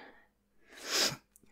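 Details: A single soft, acted sneeze from an adult woman role-playing a superhero with a cold, with a brief indrawn breath and a hissing burst in a quiet room; simulated sneeze.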